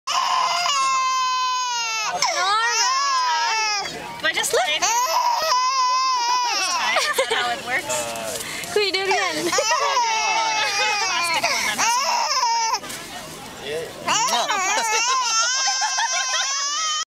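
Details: A young child cries loudly and steadily in high wailing bursts with short breaths between, after being kissed; ordinary upset crying.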